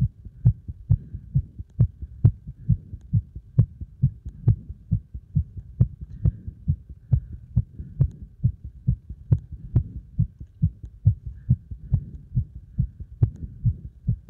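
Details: Heart pounding after strong exercise load: fast, strong, regular heartbeat thumps; rapid heartbeat after heavy exercise.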